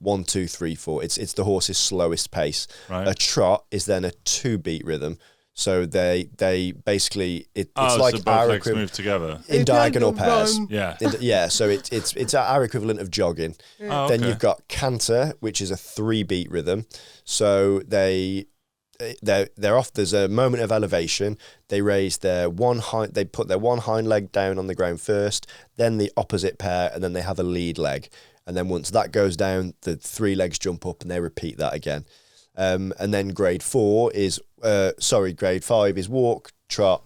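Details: Dysarthria from cerebral palsy present since birth, in an adult female Paralympic dressage rider whose speech is affected by the condition.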